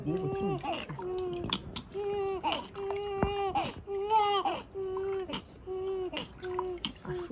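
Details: Repeated short, high-pitched cries with brief gasps between from a newborn girl on her second day after birth, during her first bath in hospital; vigorous, ordinary newborn crying.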